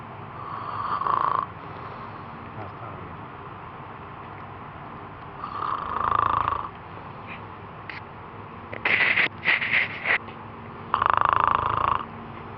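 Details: Rough, buzzing snores recurring about every five seconds, with a brief burst of nearby voices between them: ordinary snoring.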